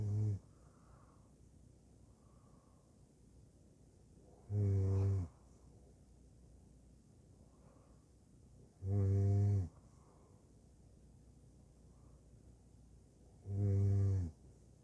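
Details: Steady snoring: regular low, droning snores about every 4.5 seconds, roughly 13 a minute, with quiet breathing between them.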